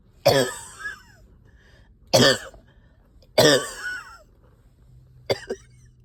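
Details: Four harsh, loose, rattly wet coughs a second or two apart: a productive cough with stubborn sticky phlegm, coughing all night, with a heavy chest and headache.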